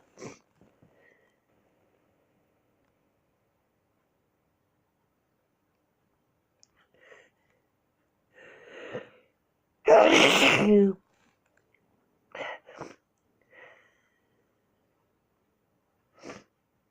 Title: A full week of my sneezes